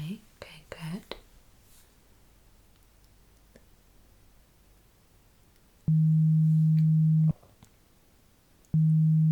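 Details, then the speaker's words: Simulated hearing-test roleplay (ASMR ear exam) while counting beeps: soft whispering, then two long, steady, low-pitched beep tones; pure-tone audiometry beeps. "Okay, now please count the amount of beep sounds that you hear. Okay, can be any from one to 10, maybe even more."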